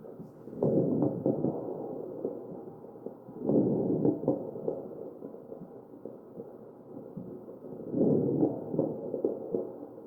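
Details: Real mechanically ventilated patient's chest sounds: machine-driven breaths about 13 a minute with brief popping crackles during inflation.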